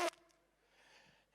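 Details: Male speaker with Tourette syndrome deliberately reenacts a tic noise he once made in a cafe, produced without visible lip movement; vocal tic (reenacted).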